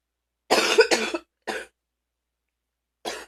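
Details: An adult who was very sick gives four deep, harsh coughs, the first two loud and back to back: deep coughing.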